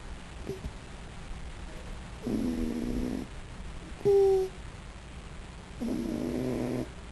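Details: A sleeping raccoon gives two drawn-out, buzzing snores about a second long each, separated by quiet breathing, with a brief squeak between them; snoring.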